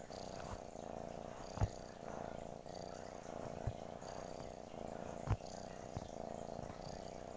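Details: Cat purring: a steady, continuous low rumbling purr with a few faint clicks; ordinary purring, a normal sound.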